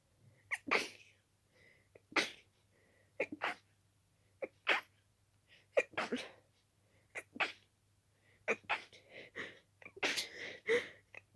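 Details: Rapid run of about a dozen wet, stuffy sneezes, some stifled, with only quick sniffing breaths between, from a person with a very itchy nose and strong dust allergy; allergic sneezing fit.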